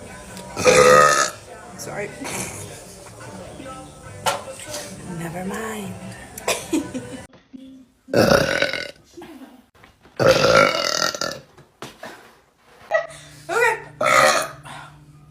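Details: Girl releasing several loud, drawn-out voiced burps after drinking, with brief laughter and chatter between them and faint background music; burping.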